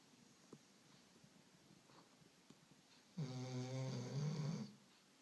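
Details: Sleeping dog: quiet room, then one long, loud, rattling, buzzy snore lasting about 1.5 seconds on inhalation; snoring.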